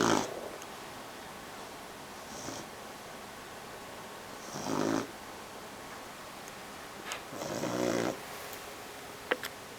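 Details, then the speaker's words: Snoring in a sleeping 12-week-old male Bloodhound puppy, said to snore louder than his owner: soft, irregular snuffling snores, a few breaths over ten seconds, faint room noise. "Howie you're snoring buddy you're snoring just thought I'd wake you up let you know you're snoring"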